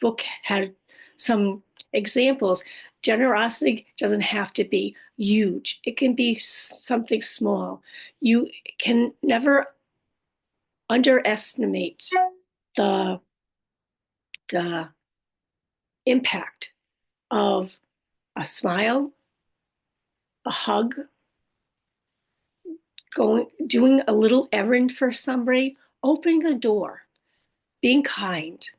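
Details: Adult woman after a stroke with aphasia, apraxia of speech and dysarthria; she says her speech can sometimes be hard to understand.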